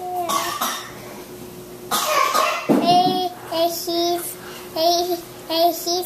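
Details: Cough.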